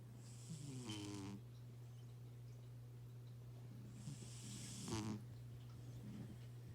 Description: A very tired cat snoring loudly.😊